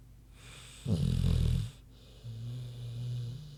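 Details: Loud rough snorting inhalation then a lower droning exhalation from Queenie, a big pig, sleeping; snoring.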